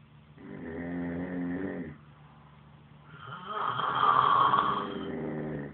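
Two long snores, one vibrating and one louder and more nasal, set against a quiet room.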